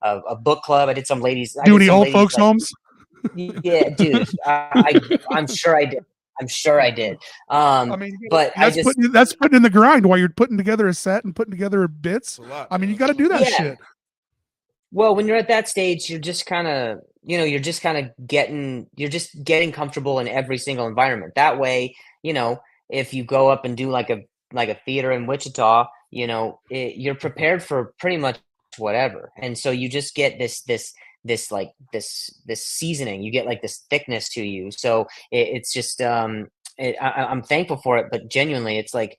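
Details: Adult male with a real stutter, word repetitions in conversational speech; stuttering.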